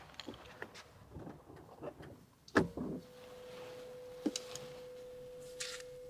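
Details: Soft handling and tapping, then a steady pure beep over a low hiss: audiometry test tone with masking noise in a binaural ASMR role-play of a hearing test by a Thai ear doctor and audiologist.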